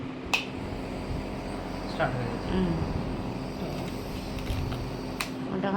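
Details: Home nebulizer set up with medicine for a small child: steady low mechanical hum of the compressor running, with a few clicks and handling noises.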